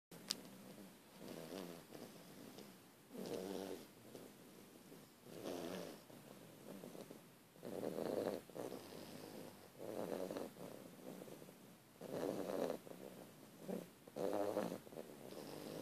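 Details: Soft, rhythmic rumbling snores about every two seconds, some purr-like, from two loud sleepers in a quiet room; snoring.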